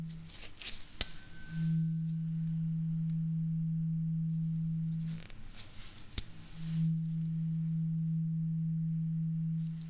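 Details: Two sharp tuning fork strikes, each followed by a steady low hum lasting several seconds; simulated hearing test in an acted ASMR ear exam.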